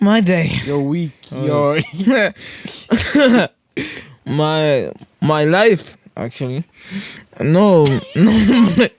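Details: Stuttering with word and phrase repetitions in a podcast host with cerebral palsy; severe stuttering when younger, treated with speech therapy, and still stutters a lot.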